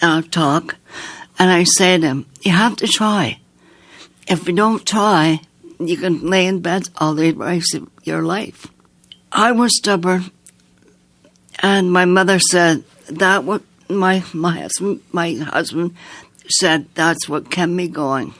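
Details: Woman with aphasia after strokes, who can sing more easily than she can talk; aphasia.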